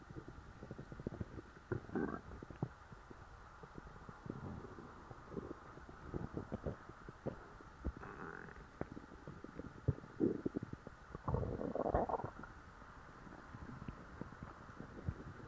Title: stuffed stomach growls